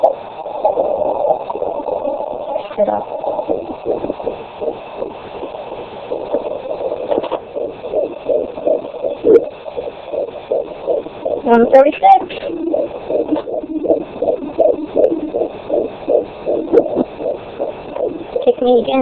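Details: Fetal Doppler at 18 weeks of pregnancy: rapid, regular whooshing heartbeat about 136 a minute, with a few louder kick thumps; normal fetal heartbeat.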